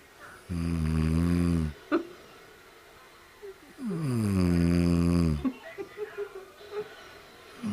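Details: Two loud, drawn-out, buzzing inspiratory snores, each over a second long, with quiet gaps and small sounds between; snoring.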